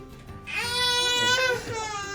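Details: Infant with colic and constipation crying during a pediatric chiropractic adjustment, held chest to chest by her mother, using a gentle adjusting instrument: a single high-pitched, sustained cry with steady pitch over background music.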